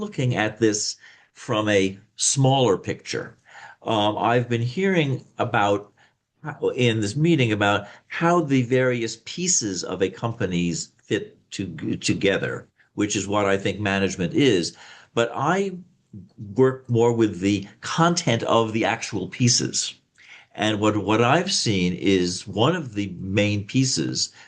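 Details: Slight stuttering, self-reported by an adult male speaker.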